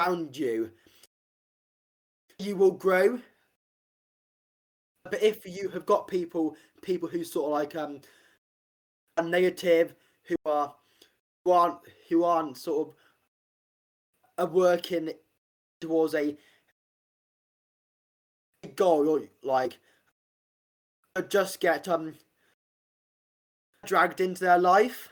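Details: Stuttering (stammering) in an adult man, an army medic leaving service to become a personal trainer, who has stammered since about age five; real, not acted.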